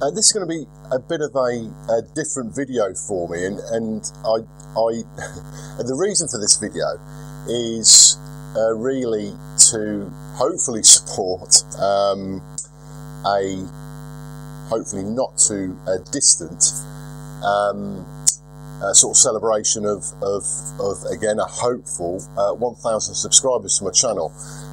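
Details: Lifelong stuttering in a 42-year-old man, milder than 4 or 5 years ago with occasional relapses; unedited recording.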